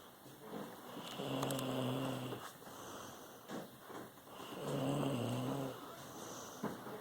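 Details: Snoring in a sleeping female dog, said to sound like her mother's snoring: steady droning, slightly buzzy snore on each breath, about 18 breaths a minute.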